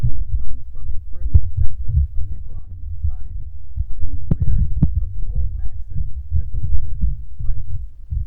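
Rapid, closely spaced low thumps of an adult heartbeat picked up by a microphone, with a muffled rumble; a fast heartbeat.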